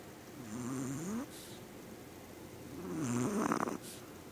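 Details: Small female Yorkshire terrier, owner says she snores louder than any other dog they've owned: two wavering, whistly rattling breaths, each ending in a short snort; snoring.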